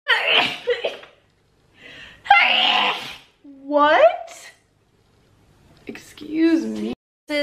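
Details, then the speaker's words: Female with allergies sneezing, triggered by perfume: several sharp, high-pitched bursts, some in quick succession; a run of sneezes. "let me know if there's any other videos you want the perfume's making me sneeze similar to the other ones"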